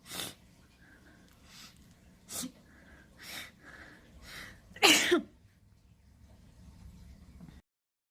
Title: Long build-up sneeze (Full version)